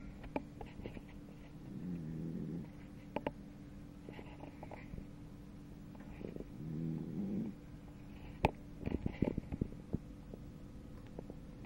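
Soft, slow, rhythmic rumbling breaths from a sleeping cat, fitting gentle snoring, with faint clicks and room noise.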